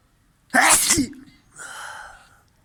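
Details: A single loud, sharp sneeze burst, followed by a softer breathy exhalation; sneeze.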